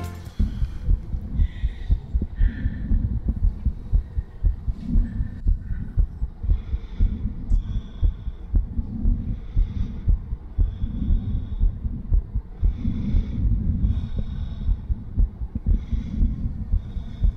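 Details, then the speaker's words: Stethoscope recording of a female patient's heart. She has diastolic dysfunction and a heart murmur, and was listened to during an exercise session. The fast heartbeat, about 118 a minute, has a whooshing murmur that is more prominent than the heart sounds. "so it sounds it actually sounded quite different because you actually noticed the murmur a lot more so rather than listening to the actual definite Bom Bom Bom you hear a lot more of"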